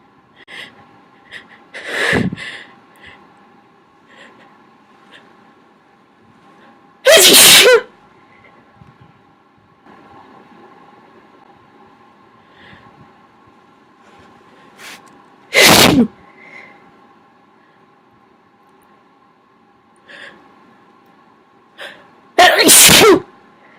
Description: I really suck at holding back. More loud, wet sneezes.